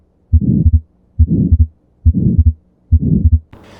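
About 70 beats a minute, with a harsh murmur filling each systole between the heart sounds: the holosystolic murmur of a ventricular septal defect.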